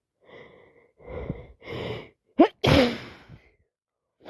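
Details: Person with allergies sneezing after buying flowers: three breathy in-breaths build up, then a sharp explosive sneeze with a trailing exhale; allergic sneezing.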